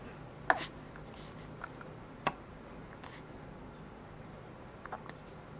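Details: A few faint, sharp hiccup clicks at irregular intervals over quiet room noise, from a person with ongoing hiccups; hiccups.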